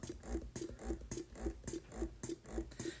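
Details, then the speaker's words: Ardo Alyssa electric breast pump in stimulation (let-down) mode at its fastest setting, about 107 cycles a minute: soft, regular motor pulses with a squeak on each cycle. "So, this is the fastest that this pump will go. Okay, it's about 107 cycles a minute."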